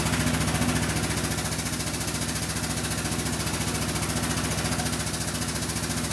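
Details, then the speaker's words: High-frequency oscillatory ventilator running, continuous rapid mechanical buzzing and rumbling pulses; its four alarms sound alike and involve the dump valve, which opens and stops the piston when mean airway pressure exceeds 50 cmH2O, giving a high-pressure alarm. "here we have four alarms they all sound the same they all have to do with the what we call the dump valve here"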